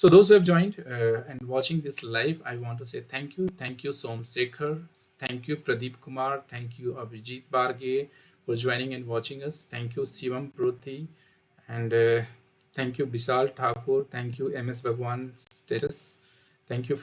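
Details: Adult male speaker; ordinary speech.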